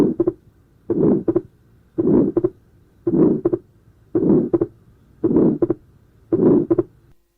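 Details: Atrial septal defect: low to medium pitched rumbling mid-diastolic murmur ending before the second heart sound, heartbeat about 55 per minute, with fixed split second sound and pulmonary-area ejection systolic murmur.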